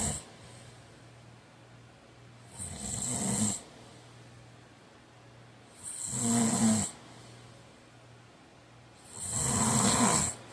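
Three harsh, noisy inhaled snores spaced about three seconds apart, with quiet breathing between; snoring during sleep.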